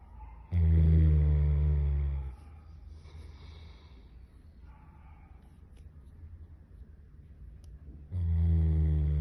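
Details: Dog in deep sleep snoring like a human: loud, low, rumbling snores with a quiet exhale between them, about two snores in nine seconds.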